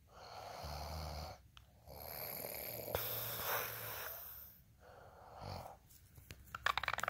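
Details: Snoring during sleep: rough snoring inhalations with softer exhalations and short pauses between, then a few light clicks at the end; ordinary snoring.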